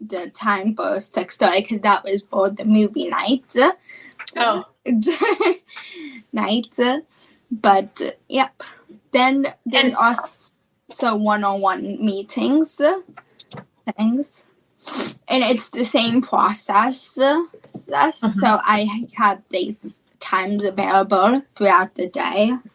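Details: Childhood apraxia of speech, a neurological speech disorder, in a female speaker.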